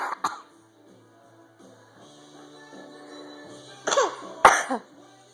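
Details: Toddler girl sneezing on demand, asked if she is sick: a brief burst at the start, then two sharp sneeze bursts near the end over soft background music; sneezing.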